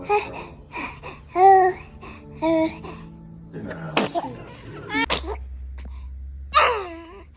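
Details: Baby vocalizing and laughing over background music, with two sudden sharp bursts fitting small infant sneezes; baby sneeze.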